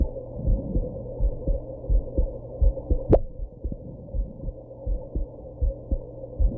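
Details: Heartbeat after drinking alcohol and smoking: regular low thumps at roughly 80 a minute over a steady hum, with one sharp click partway through that fits a hiccup; heartbeat with hiccups.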